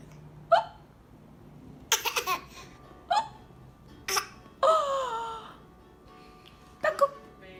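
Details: At breakfast: repeated short, sharp hiccups mixed with giggles and a brief laugh, light music behind; hiccups.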